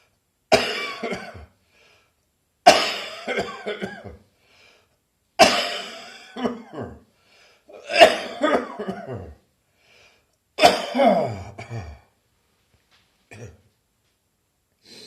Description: Happy New Year everyone! My bronchitis hadn't quite left me yet.